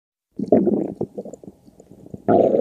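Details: Stomach growling (borborygmi): short gurgling, bubbling rumbles from the belly.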